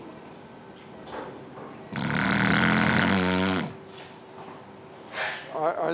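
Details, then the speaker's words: Snoring from a person's narrowed throat, presented alongside a fiberoptic scope view and as the first sign of obstructive sleep apnea: one loud, harsh, rattling snore of nearly two seconds. "This is the throat of someone who snores. Snoring is the first sign of obstructive sleep apnea."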